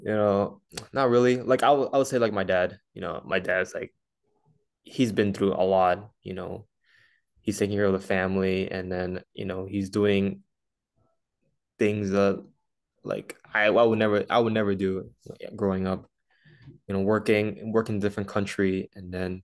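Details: Male host who stutters, in conversation with a fellow person who stutters, with frequent "you know" interjections and repetitions; stuttering.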